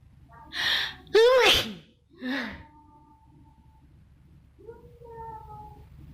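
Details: Girl undergoing a COVID-19 nasal swab test, sharp inhaled gasps followed by forceful sneezes and a squeal; reflex sneezing triggered by the swab.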